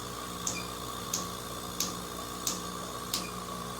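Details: Q-switched laser pulses, evenly spaced snapping clicks over machine hum, during laser tattoo-removal treatment of a woman's deeply pigmented nevus of Ota birthmark around the eye and upper lid, with a metal eye shield and skin frosting; prior peels.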